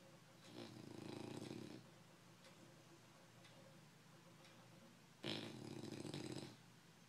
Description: English bulldog snoring